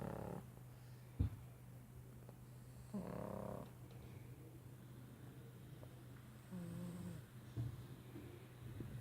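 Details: Snoring from a sleeping pug lying on a work case: low, rumbling breaths with brief snorting sounds over a steady room hum.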